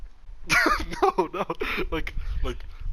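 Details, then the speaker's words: Adult man deliberately faking a cough: short run of voiced cough-like bursts, a voluntary demonstration, not illness. "oh that sounded like a good cough yeah yeah yeah yeah it was very very good yeah yeah yeah so it was like a cough right and then everybody was quiet and i coughed and she's like are you coughing in class"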